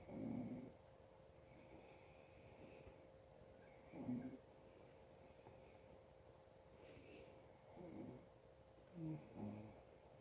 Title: More of my Dad snoring.